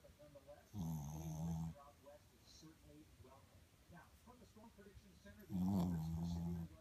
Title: Momma snoring